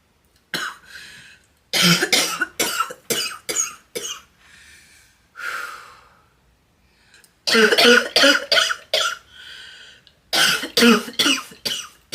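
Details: A girl coughs in three rapid bouts of about five or six coughs each, with breaths drawn in between.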